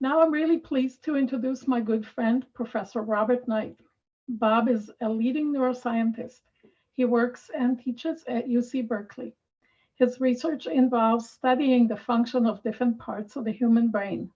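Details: Adult woman; normal speech.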